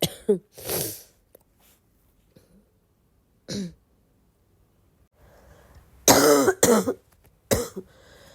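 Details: Several harsh, barking coughs in bursts with pauses and throat clearing between them, from a girl in a coughing fit on waking; cough.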